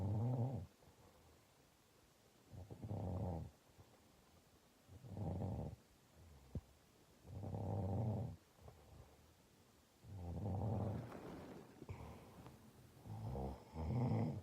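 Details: Congested, sick adult woman in deep sleep, humidifier running: soft rumbling snores about 12 breaths a minute with quiet pauses and faint steady hum behind; snoring.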